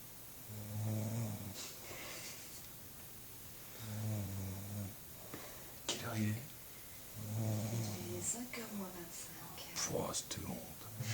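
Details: Snoring in a sleeper described as tired: three slow, low, rattling snores with quiet breaths between, about 16 a minute, with faint room noise and clicks.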